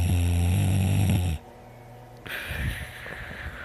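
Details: One loud, low, vibrating snore, then quieter breathing with some handling noise; snoring during sleep.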